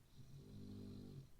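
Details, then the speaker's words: Loud snoring from Bugs, a dog still recovering (needs about another month) but doing well; one long, low, rumbling snore lasting about a second while he sleeps. "by the way that's bugs he's still alive can you hear him snoring away come on be quiet for a"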